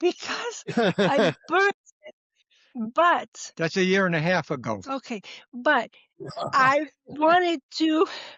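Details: Adult woman, former educator, with expressive (Broca's) aphasia after TIAs that followed atrial fibrillation and cardioversion, stroke survivor.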